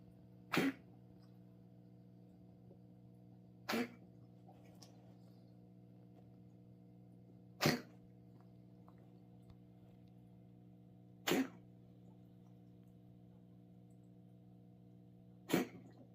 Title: My cat coughing